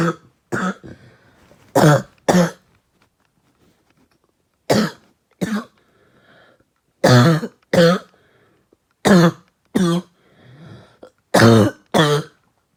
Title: Trying out a new bong.. a little light coughing